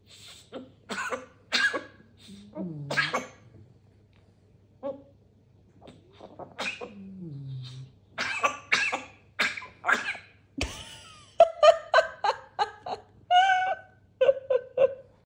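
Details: Grey parrot in Slovakia imitating a cough: a run of short, harsh cough-like bursts mixed with whistles and chirps.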